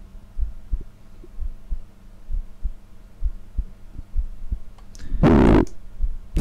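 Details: Adult heart recorded with a homemade DIY digital stethoscope: soft, steady low thumps of a normal heartbeat about 60 a minute, ending in loud rumbling bursts of stomach rumbling.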